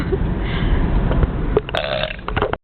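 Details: One long, deep, rumbling deliberate burp lasting over two seconds by a girl in a car, with her baby brother watching; road noise behind.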